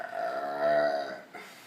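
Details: A burp: one drawn-out, voiced, croaking belch lasting about a second, followed by a short quiet tail.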